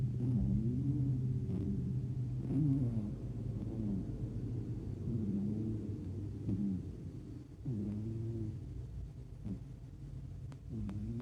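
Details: A sleeping tuxedo cat snores with a low, continuous rumble that rises and falls over slow breath cycles.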